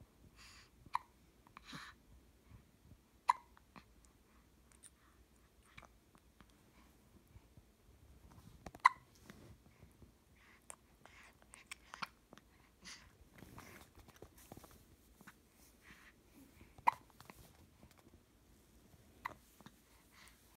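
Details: An infant girl with soft, brief, sharp hiccups repeating every few seconds in a quiet room.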